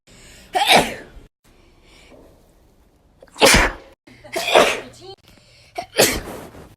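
Four loud, sharp sneezes, each after a brief inhaled catch, separated by quiet pauses; ordinary sneezing.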